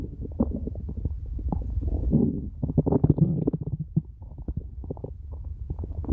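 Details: Very hungry person's stomach growling (borborygmi): long, low gurgling and rumbling with bubbly pops, typical hunger growling of the stomach and bowel.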